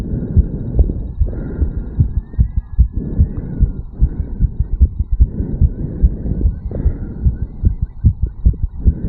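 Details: 34-year-old man, heart recorded at the mitral/bicuspid valve area after a quick morning jog: rapid, regular thumping at about 150 a minute; sinus tachycardia after exercise.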